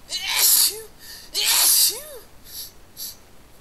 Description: some sniffly sneeze, a couple of stiffled and a noseblow at the end, enjoy!